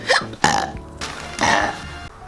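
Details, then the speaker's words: Ordinary burping (eructation) in a person who says they feel burpy: two loud voiced belches in quick succession over background music. "Actually, I feel burpy. There you go, Jet. Sorry. Oh my god. Thank you, Jet. Oh, I burped again. Sorry, that was so gross."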